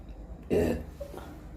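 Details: Person drinking a cold fizzy drink on an empty stomach, feeling bubbles coming up: a single short, rough burp-like or throat-clearing sound in a quiet room.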